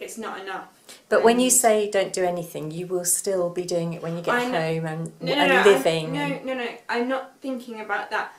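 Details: Adult woman speaking; normal speech.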